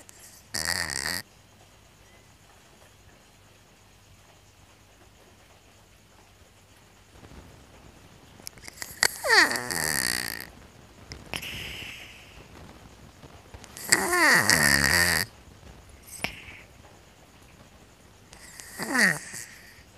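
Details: Sleeping cat with strange-sounding snoring: irregular loud, raspy, fluttering breath noises with quiet gaps between them.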